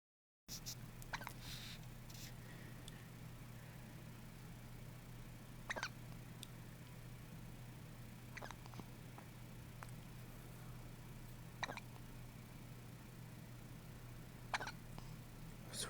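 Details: Newborn girl almost a week old, short, squeaky, squeaker-toy-like hiccups recurring about every three seconds over a steady low room hum; hiccups.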